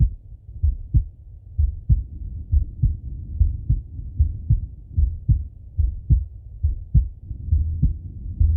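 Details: Regular low male heartbeat at about 71 beats a minute on stethoscope auscultation, with soft breath noise underneath; normal heart and breath sounds.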